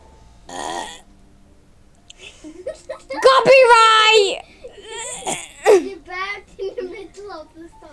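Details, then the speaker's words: Deliberate burping on camera: a loud, drawn-out voiced burp followed by shorter ones, mixed with speech and giggling in a small room. "let me detain my burp hello I am doing my boyfriend did you hear did you like that box that I did"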